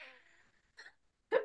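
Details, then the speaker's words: Two short, abrupt coughs, the second louder, from an adult woman who mentions coughing and wheezing a little while recovering from toxic mold exposure: cough. "and so see you'll hear me coughing and wheezing just a little that's just I'm I'm"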